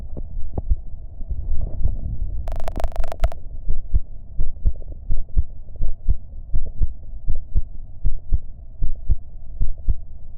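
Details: Own heartbeat recorded during a short breath-hold: steady paired heart thumps about 83 beats a minute; normal heart sounds.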